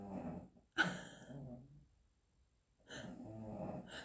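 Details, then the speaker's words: Very loud snoring from a sleeping animal, described as snoring worse than a man: low, rough breathing noises repeating with quiet pauses between them. "Là, il ronfle fort quand même. Hein. Il ronfle très très très très fort."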